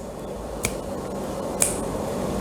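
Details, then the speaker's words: Imitated opening snap in a cardiology semiology lecture: two sharp finger snaps mimicking the crisp snap of a valve that closes with difficulty and great force. "Qué es el chasquido es ese sonido sí es un sonido que está asociado justamente una una válv vá que que se cierra con eh mucha dificultad sí se cierra con mucha fuerza y forma ese sonido"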